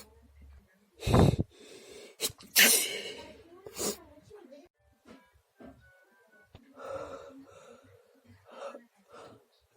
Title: Night sneeze compilation 🤧